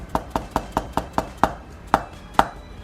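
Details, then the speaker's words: Eight sharp wooden taps, quick and even then slower and firmer, from a chiropractic mallet percussing along the lower spine (T12 to L3 multifidus region) to correct vertebral alignment, in treatment of degenerative knee arthritis. "이런 돈을 써서 고타 법을 통해서 아 아 부정 양을 했어 해 나갑니다"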